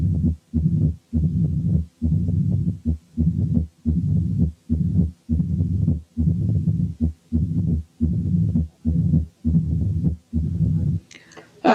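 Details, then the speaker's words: Mitral stenosis with atrial fibrillation: totally irregular rhythm, no presystolic murmur, and a rumbling mid-diastolic murmur whose length varies from beat to beat. "تعالوا نسمع سوا حالة ماترال ستينوزيس مع اتريال فابريليشن. لاحظوا ان الريزم is totally irregular، وان مفيش بري سيستوليك مامر، وان الميد دايستوليك مامر بيختلف طولها من بيت للتاني."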